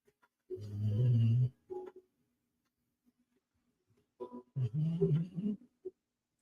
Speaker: My dog is super snoring right now. So hopefully you like that sound.